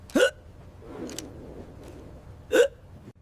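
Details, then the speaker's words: Hiccups: two abrupt, sharp 'hic' sounds about two and a half seconds apart over quiet room noise. "It starts with your diaphragm, your breathing muscle. When it spasms, it's like a drum hitting air. Air rushes in your throat slams shut."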